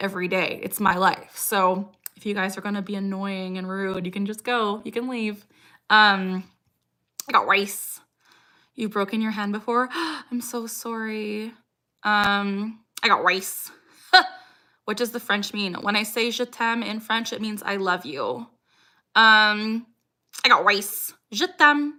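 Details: Woman with Tourette syndrome; her most frequent vocal tic, the phrase "I got rice", occurs mid-sentence while she greets chat: vocal tics (Tourette syndrome).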